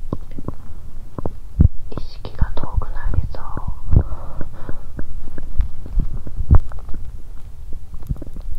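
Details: Bowel sounds (borborygmi) from an adult woman's abdomen during abdominal pain on the second day of menstruation; she reports pain on one side and her belly rumbling.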